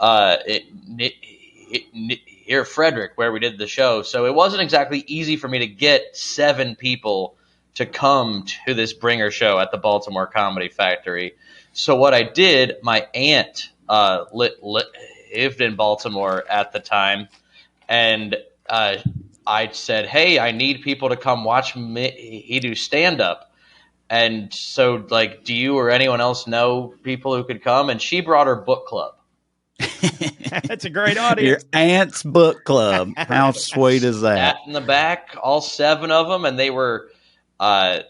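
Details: Adult male comedian who says he has a stutter; stuttering.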